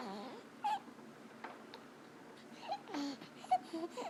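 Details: Sleeping newborn, third baby, swaddled at 30° upright in a baby swing, with brief high squeaky noises on breathing in; inspiratory stridor from laryngomalacia, reportedly louder when lying on his back.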